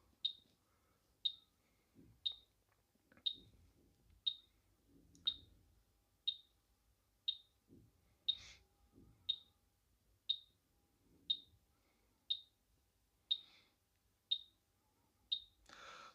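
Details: BTL Class 3 high-intensity therapy laser demo during treatment: short high-pitched chirps repeating about once per second with faint handling noise; pulsed therapy laser operating tone.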